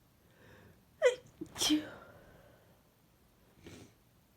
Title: Induced desperate cold sneezes